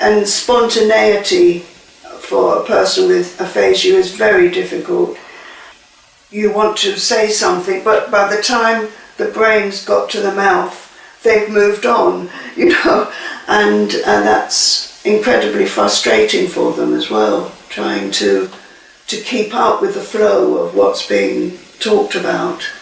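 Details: Adult speaker; normal speech.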